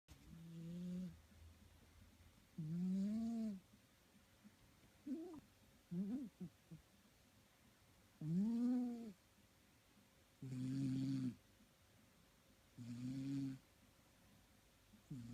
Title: Snoring cat